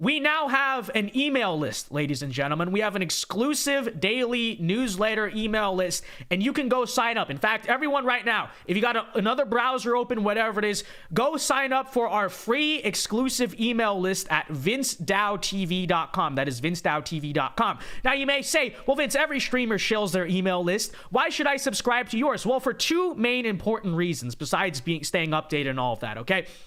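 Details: Adult male speaker; normal speech.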